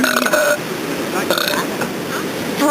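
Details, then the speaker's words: Person deliberately burping outdoors at the beach after drinking Sprite, trying to get a good burp on camera: a long, drawn-out voiced belch over steady wind and surf noise. "I'm determined to get a good burp cuz every time I burp good it doesn't get on camera"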